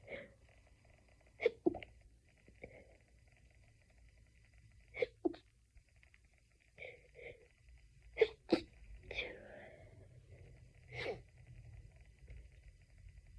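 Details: Stifled sneezing fit, edited into a loop: a run of about ten short, muffled sneezes, some in quick pairs, held back and squeezed off rather than released fully; stifled sneezing.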